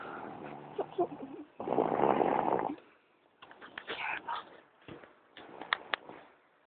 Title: My brother snores like a MONSTER